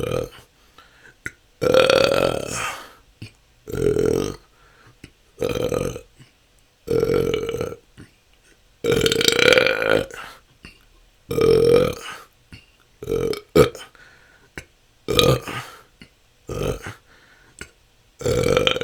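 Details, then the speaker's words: Self-recorded continuous 10-minute session of natural burping with a better microphone; belching can go on for hours, a struggle for a couple of years, felt as stored-up gas. About a dozen loud voiced burps in under twenty seconds: excessive belching (eructation). "that's 10 minutes this can go on for hours this has been my struggle for the last couple of years it seems like somehow didn't let out enough gas"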